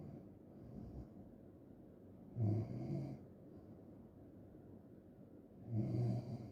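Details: Two loud, rough, low snores on breathing in, about three seconds apart, with quiet breathing between; snoring.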